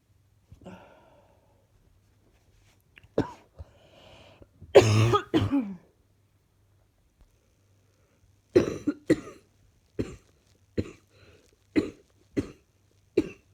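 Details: A few coughs and a throat clear, then about six separate short dry coughs from a person feeling unwell who wants the cough gone.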